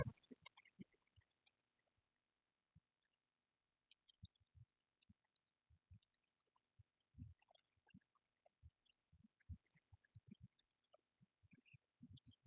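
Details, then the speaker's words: Stethoscope over the abdomen of a calm, cooperative adult woman with no distension, starting at the left lower quadrant: quiet, irregular clicks and soft gurgles, normal bowel sounds in all four quadrants, neither hyper- nor hypoactive. "All right. So bowel sounds um in four um in all the four uh quadrants is normal. There's no any hyper or hypoactive bowel sounds."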